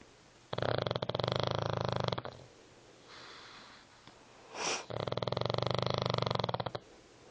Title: Snoring.......